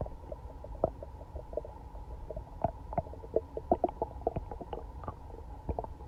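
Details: Day after eating Chinese food and being sick all night: frequent gurgling, bubbling pops and squelches over a low rumbling background, like something swimming in the belly; loud active bowel sounds (borborygmi).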